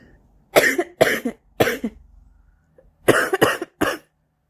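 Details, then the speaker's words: Six harsh, loose coughs in two quick runs of three from an adult woman in the morning, a smoker's cough. "okay I'm lighting my cigarette get rid of this cough what a fantastic smoker's cough you have why thank you"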